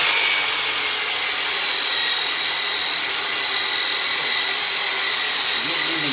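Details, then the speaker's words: Powered soft-tissue release instrument ("Turbonator") used by a chiropractor on a large adult male with low back pain during decompression care: steady high-pitched motor whine with fast rapid pulsing on muscle. "now Robert's pretty good size guy so I'm going to pull out the turbo nator on him so Robert just going to sound like I'm sing you in half but I'm not so take some deep breath"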